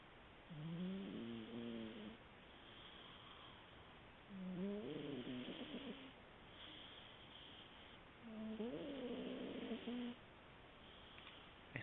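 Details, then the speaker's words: Sleeping male cat snoring: three slow, whistling, wavering breaths, about fifteen a minute, over soft room noise; snoring. "sleepy boy. Sleepy. You're snoring again."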